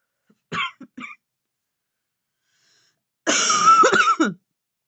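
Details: Two short coughs, a pause, then a longer, harsher cough bout with rough bursts, from a woman vaping in bed, described as a smoker's cough: cough.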